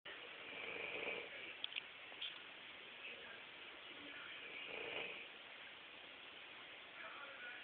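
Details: Snoring recorded on a BlackBerry phone: soft, breathy, whistling snores with each breath over faint room noise, thin and muffled.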